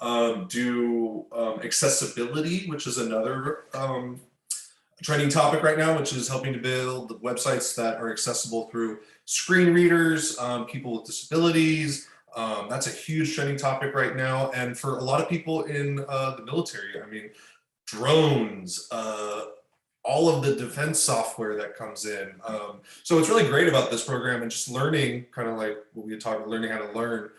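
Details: Adult speaker; typical speech.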